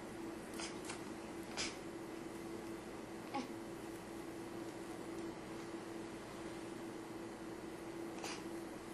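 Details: Soft, brief hiccup catches at irregular intervals against steady room hiss, from a 2-week-old baby; newborn hiccups.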